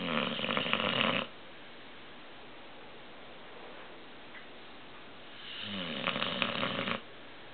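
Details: 10-month-old male American Bulldog snoring while asleep: two loud, rough, rattling inhaled snores separated by a quiet pause; heavy snoring.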